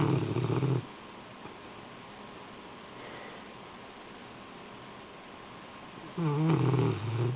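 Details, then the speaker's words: Two loud, rough, low-pitched snores from a sleeping Rottweiler, separated by about five seconds of quiet breathing; ordinary snoring. "Roman. Roman. You were snoring."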